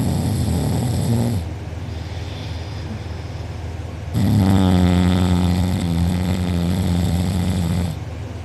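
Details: Person asleep with mouth open, recorded by a sibling, drooling; afterwards reports a sore uvula and soft palate. Loud, coarse, buzzing snores on two long in-breaths over about eight seconds, with a rough vibrating quality. Heavy open-mouth snoring.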